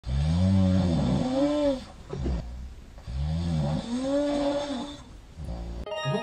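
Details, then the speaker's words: Patient with narrowed airway before treatment: loud, low rumbling snores each ending in a brief high-pitched squeak of stridor as air is forced through the narrowing; snoring with inspiratory stridor. "ぐーっていう終わにキュていう高い音が聞こえたの分かりますかキュっていう高い音は共作音でありまして軌道が狭いところに無理やり空気が通ってるっていう音なんですね"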